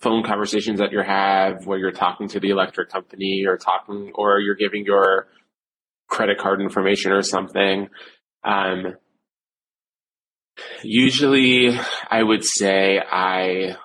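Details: Adult male who reports stuttering with blocks, repetitions and secondary facial behaviours, severe since age seven. Stuttering.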